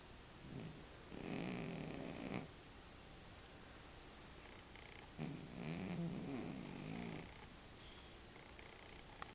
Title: Django the snoring cat